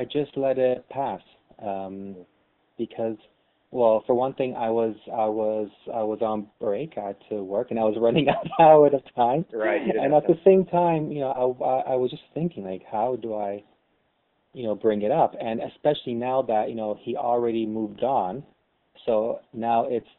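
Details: Lifelong stuttering in an adult co-host of a webcam podcast about stuttering; stuttering.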